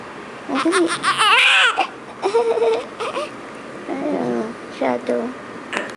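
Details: Newborn on the first day after birth: short, high-pitched wavering wails in repeated bursts with pauses between, over quiet room noise; a newborn's cry.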